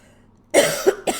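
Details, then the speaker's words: Cough from an adult who says they are sick with a hoarse-sounding voice but otherwise feel well. "Like even me now, I know that you can hear that my voice is sick, right?"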